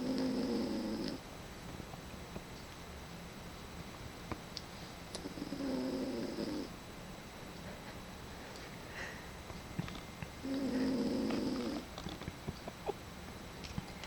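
Soft, regular snoring with a buzzing rattle on each breath, about four breaths a minute shown; quiet room with faint ticking noises.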